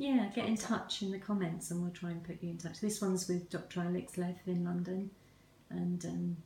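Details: Adult woman speaking; typical speech.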